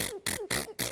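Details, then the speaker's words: Girl with nonstop sneezing that began three weeks earlier, reportedly up to 12,000 times a day: two quick sneezes in under a second, each a short rising gasp then a sharp burst, fitting rapid repetitive tic-like sneezing. "three weeks ago caitlyn began sneezing and she hasn't stopped i was walking out of a clarinet lesson all of a sudden it just it kind of started in just like little spurts you know it was like just a few sneezes here and there but by the time i went to bed i'd sneezed 30 times that night"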